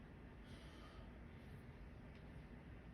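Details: Stethoscope auscultation of lungs during repeated deep breaths: soft breath sounds over a steady low rumble, no crackles or wheezes; normal breath sounds.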